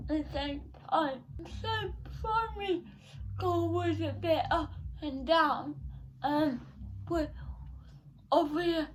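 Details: 17-year-old female with cerebral palsy since birth, diagnosed at 14 months, affecting her speech, speech therapy from an early age; dysarthria.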